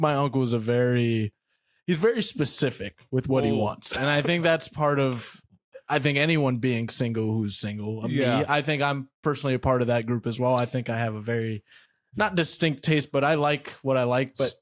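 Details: Young adult man speaking; typical speech.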